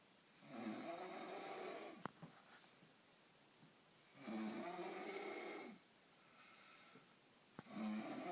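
Long, buzzing snores on breathing in, about 17 a minute, with quiet pauses between them in a small room; ordinary snoring.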